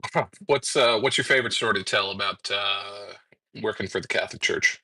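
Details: Adult male speaker; no speech disorder.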